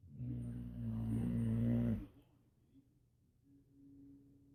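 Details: A loud, low, grunting snore-like sound lasting about two seconds, then near quiet; a boxer dog's snoring, possibly mixed with a 1-year-old girl imitating it.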